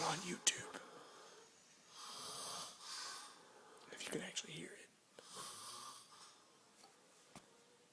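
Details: Snoring of a sleeping adult: rough, rasping breath noises recurring about every three seconds in a quiet room.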